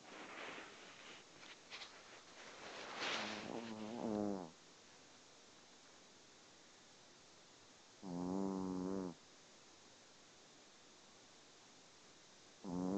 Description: my dog snoring